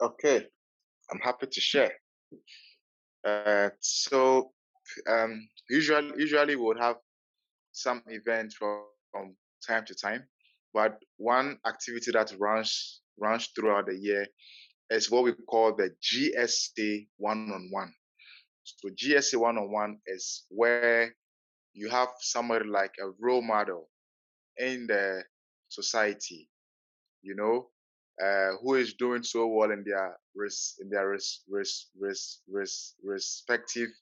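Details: Adult man from the Netherlands who stutters, at times severely, and still finds his stutter hard to accept; long pauses between words suggesting blocks; stuttering.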